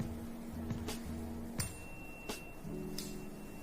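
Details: 512 Hz tuning fork struck for a Rinne test during an ENT hearing examination of an adult male patient, placed behind then in front of the ear: tuning fork vibration sound.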